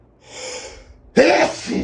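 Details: Male with allergies who can't stop sneezing: a quick indrawn breath then a sharp, explosive burst of air; a single sneeze.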